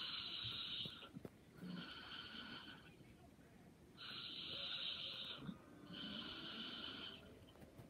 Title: Light snoring and sleeping soundly😴